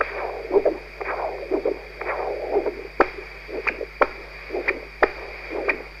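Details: Human heart auscultated with a Doppler stethoscope; whooshing pulsed flow sounds with sharp clicks, about 60 a minute, over steady hum. Doppler heart auscultation.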